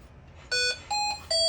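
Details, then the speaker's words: Hamilton T1 ventilator overview: three short electronic tones at changing pitch, with a yellow flash, a low-priority alarm calling for a check of the patient and machine but not an emergency. "this would be an example of a low priority alarm so like our other ventilators low priority alarm is signifying that we need to take a look at the patient as well as the machine"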